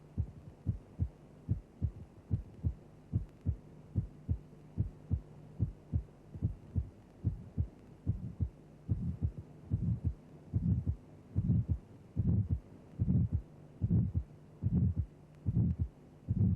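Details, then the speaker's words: Simulated heartbeat at about 73 per minute, aortic stenosis: a triangular crescendo-decrescendo systolic murmur in time with the pulse. It is turned down to expose the second heart sound, then restored; ejection systolic murmur. "The murmur has a triangular sound envelope increasing to a peak intensity, then decreasing rapidly."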